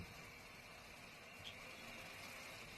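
Steady hiss and whir of a BiPAP blower running with the tube disconnected, air flowing freely; normal machine operation.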